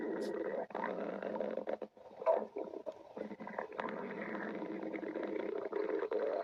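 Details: Adult stomach growling (borborygmi): long, irregular gurgling and rumbling from the abdomen with brief pauses.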